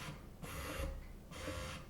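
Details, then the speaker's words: Ameda Finesse electric breast pump switched to a slower speed with higher suction: slow, rhythmic mechanical whooshing with a quiet motor hum between cycles; electric breast pump running. "then it says to, you move the speed back, and you can turn this, it slows it down."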